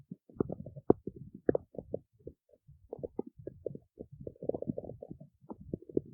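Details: Stomach growling (borborygmi) recorded in the city: continuous gurgling and bubbling rumbles from the belly.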